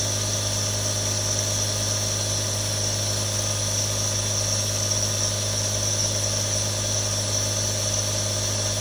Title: ASMR Nebulizer Sound [RELAX NOW WITH THREE NEBULIZERS] 1 HOUR NO ADS | Aerosol Sound